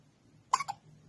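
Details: Baby with strong, recurring hiccups, possibly from too much milk or not burping enough: one quick, sharp hiccup with a small catch right after, in a quiet room.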